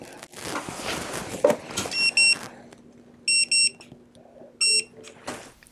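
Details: Dental X-ray unit giving bursts of short, high electronic beeps amid quiet talk, marking exposures of anterior vertical films of the cuspid, lateral and front teeth in a full-mouth series on a returning dental patient; normal exposure tone.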